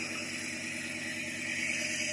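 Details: Home nebulizer compressor running with mask on and vapour coming out, used for cough and breathing trouble: steady continuous hissing, humming machine noise.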